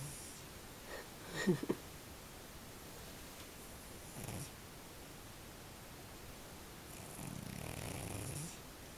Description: My giant cat Boomer snores like a grown man!! Sooo cute